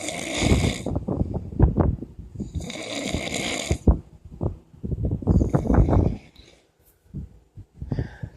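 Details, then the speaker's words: Sleeping boyfriend snoring very loudly: irregular rattling snores with throaty vibration and snorting breaths, fan wind in the background; heavy snoring. "This is what my boyfriend sound like when he sleep, y'all. He is so loud. Oh my gosh."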